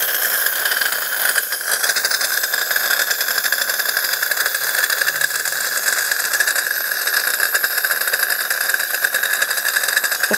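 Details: Ultrasonic dental scaler removing tartar before cosmetic porcelain crowns, worked with a light over the inner and outer tooth surfaces: steady high-pitched whine with hissing water spray and faint scraping.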